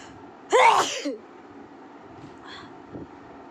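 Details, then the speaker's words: Woman who says she truly has a cold and cough: a single loud, explosive sneeze with a sharp intake and burst, followed by quiet room noise. "Real में मुझे cold हुआ है और real में मैं छींक रही हूं।"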